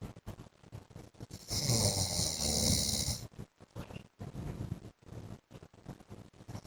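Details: A loud rasping snore lasting about two seconds stands out among short snorts and irregular breathing noises from an adult man asleep: snoring.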